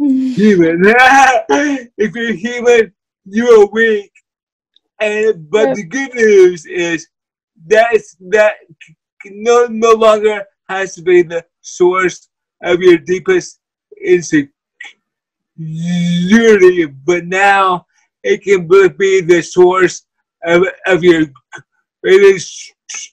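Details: Dysarthria in a person with cerebral palsy who uses a wheelchair.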